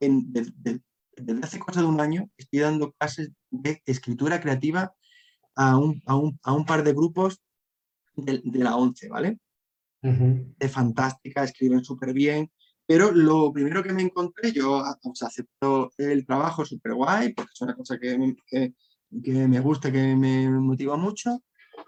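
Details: Adult Spanish-speaking man who stutters, with a constant struggle since childhood to hide it: stuttering.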